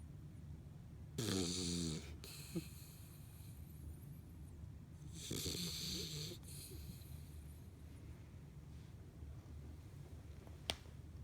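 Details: Small dog sleeping with tongue out, snoring: two loud snorting snores with a fluttering rattle about 12 seconds apart over a low steady hum.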